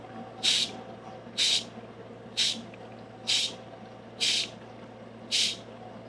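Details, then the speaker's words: Home oxygen concentrator with humidifier (bubbler) bottle: the tubing was deliberately pinched to simulate a kink, and the bottle's pressure relief valve releases the built-up pressure in six short regular hissing bursts about once a second over a steady machine hum. "So, as you can see, the pressure valve, you could hear it releasing the builtup pressure with inside that bottle once our tubing was kinkedked."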